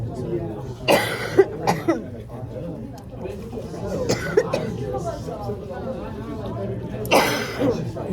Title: At Thai Pepper Restaurant in Fayetteville NC 🇺🇸 with my 2 ate | Coughed up spicy went to airway 😢